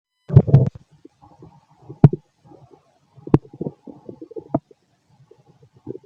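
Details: Fit adult male's abdomen after a bowel movement: low gurgling and bubbling rumbles in irregular bursts with a few sharp pops and quiet gaps, typical bowel sounds (borborygmi).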